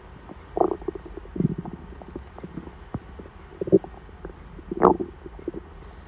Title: my hungry tummy rumbling before dinner